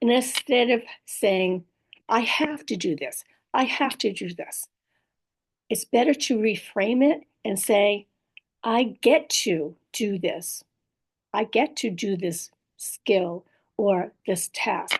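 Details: Woman with post-stroke aphasia plus apraxia of speech and dysarthria, in recovery; aphasia with apraxia of speech and dysarthria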